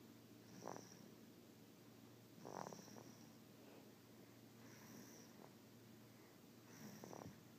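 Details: Sleeping baby girl snoring softly and irregularly on breathing in, about four snores over a steady low room hum; snoring.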